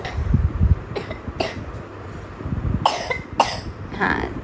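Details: A young boy, sick with a cold for two days, with a congested chest: about four loose, rattly wet coughs over heavy low rumbling noise.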